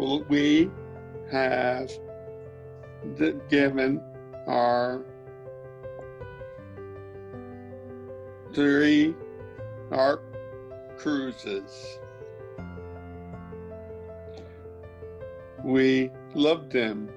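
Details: Severe non-fluent aphasia in a man after a stroke five years earlier; he speaks words while using a Lingraphica communication device.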